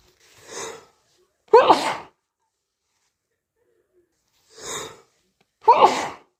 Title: Nose close up sneezes snot and nose blow